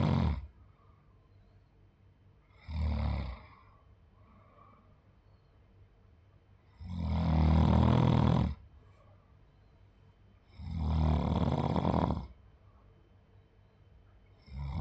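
Loud, rough snoring breaths with quiet gaps, about four in fifteen seconds, roughly 16 a minute.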